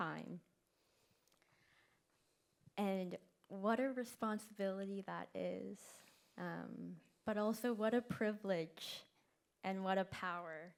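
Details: Event co-host who stutters, speaking live; stuttering with prolongations, repetitions and blocks.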